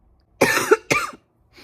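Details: Two quick, harsh coughs from an adult with a viral illness and a severe sore throat, then quiet.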